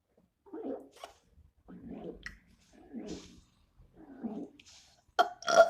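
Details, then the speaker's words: Deliberate burping, attempting the loudest burp possible during a 5-minute burping challenge: four short, low, croaky belches in a row, then a brief louder vocal sound. "I'm just going to try doing the loudest burp that I can do. So, yeah, let's just do it."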